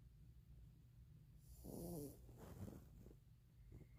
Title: My dog snoring